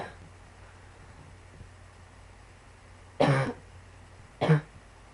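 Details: Two loud dry coughs over low room hum; frequent coughing in a person with pulmonary sarcoidosis.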